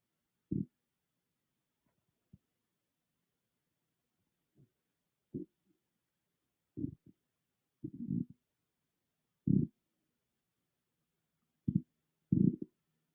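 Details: A loud stomach growling, recorded on an iPhone with no ASMR microphone: irregular low gurgling rumbles, about eight bursts, in a quiet room; ordinary bowel sounds (borborygmi).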